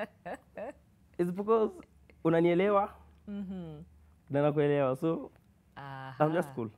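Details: University student who has stammered since birth, with blocks, prolongations and repetitions; he reports it worsens with anxiety or in public. Finding: stuttering.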